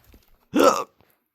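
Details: Cartoon character Violet gets the hiccups after drinking her can of oil too fast: a single sudden voiced catch in her voice, played as a hiccup.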